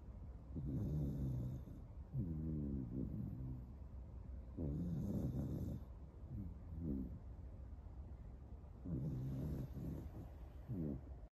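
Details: American Cocker Spaniel sound asleep after lots of play, snoring with low rumbling rattles on each breath, four or five bursts with quieter gaps between. Snoring.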